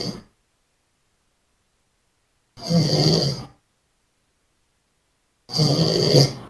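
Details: Person snoring while asleep: loud, rough snores on each breath in, separated by long silent pauses, about 20 a minute.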